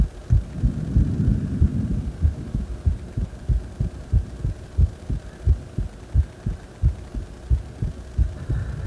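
Steady, regular low heartbeats at about 90 a minute with a low hum underneath; a heartbeat lying on the back after deep squats.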